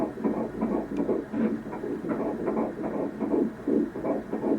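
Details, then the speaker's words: Fetal heartbeat at a 12-week ultrasound scan, hard to capture because the fetus is moving a lot: rapid whooshing pulses at about 160 a minute, partly irregular from the movement. "I'm trying to get her heartbeat on here hard to capture Herz she's running around a lot"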